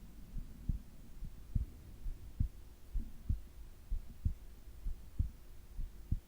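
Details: Soft, steady low heartbeat at about 65 a minute, recorded during sleep along with breathing sounds over a faint hum; normal heart sounds during sleep.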